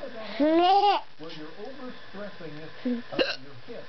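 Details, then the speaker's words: A mother's brief, sharp, ordinary hiccup amid her young child's babbling and laughter; the child finds her hiccups funny. "I get the hiccups and Charlie thinks it's very funny."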